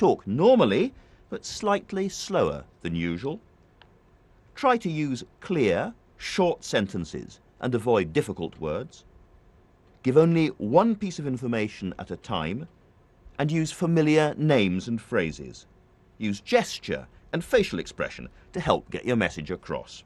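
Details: Adult male speaker; normal speech.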